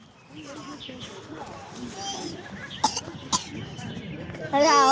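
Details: A child coughing until vomiting, with adult and child voices: two sharp coughs, then a loud, strained gagging sound as the child retches.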